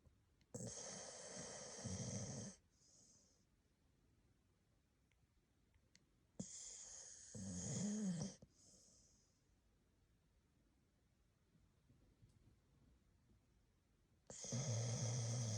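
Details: Sleeping blue Staffordshire bull terrier snoring: loud rattling snores on each in-breath with soft whistling out-breaths, about four breaths a minute.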